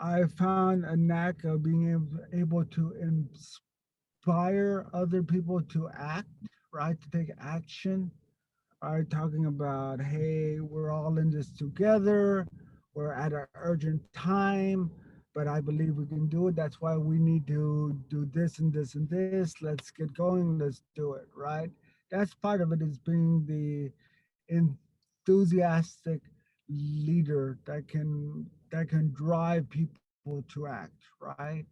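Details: Stuttering in an adult man who grew up with a severe overt stutter and still gets stuck on a word here and there.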